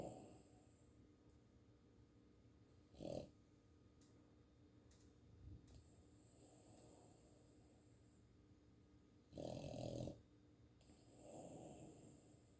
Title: Max the Boston terrier snoring